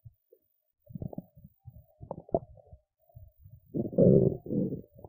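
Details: Adult woman's irregular low gurgles and squeaks building into a longer rumbling growl after skipping lunch; ordinary hunger bowel sounds.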